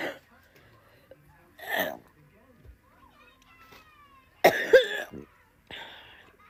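A few separate short coughs from different recordings, with quiet gaps and a faint whistle-like tone in between.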